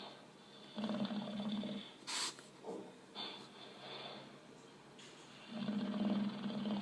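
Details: Bulldog on a screen making repeated low rattling snores with a brief snort, with quiet room sounds between; an 11-month-old English Bulldog watches. Snoring.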